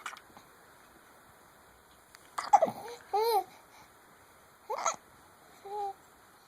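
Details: Child's hiccups: a few abrupt, brief hiccup catches mixed with soft babbling and laugh-like sounds in a quiet room.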